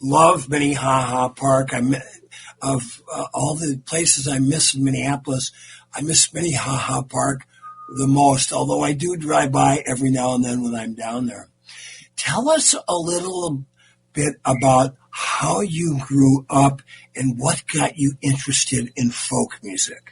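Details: Adult male radio host; normal voice.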